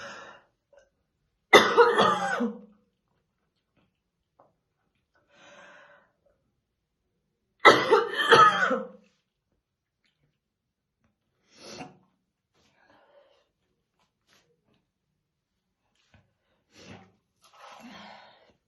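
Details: Woman brushing her hair in the morning, said to be real, not acted; two harsh, forceful cough bursts about six seconds apart with softer throat clearing between: deep smoker's morning cough.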